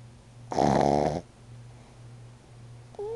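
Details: Snoring in a sleeping pug at night, a single loud, rattling snore with a low hum in the room; the owner says this is why he sleeps downstairs.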